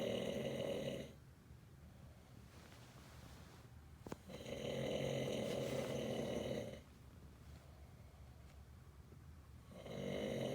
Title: Snoring father Texas